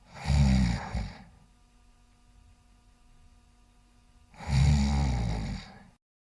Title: My cat ia snoring